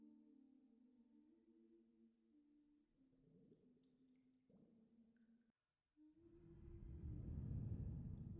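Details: Stomach growling in a pregnant woman, relaxing before contractions began: quiet, drawn-out gurgling tones rising and falling in pitch, then louder rumbling; normal bowel sounds.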